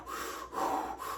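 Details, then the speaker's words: A human voice imitates, with breathy whooshing swishes, the washing-machine sound of a puppy's heart murmur heard when listening to puppies' hearts with a care-kit stethoscope. It is contrasted with the crisp click-click of a normal heart; murmurs are graded one to six. "if you've got a puppy that has a nice click click click click that's a good heart if you have a puppy that sounds like a washing machine"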